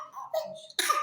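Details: Pertussis (whooping) cough in a 3-month-old infant: a thin, squeaky breath sound followed by a sharp, harsh cough burst.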